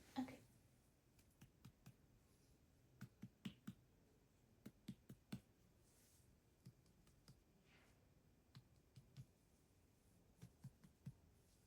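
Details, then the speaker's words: Light, sharp taps in groups during a head-to-toe exam, percussing all four abdominal quadrants for dullness, tympany or hollow sounds: abdominal percussion. "Now I'm going to percuss all 4 quadrants, listening for dullness, tympanic, or hollow sounds, depending on the area that is being percussed. So I'm going to do some light tapping, okay?"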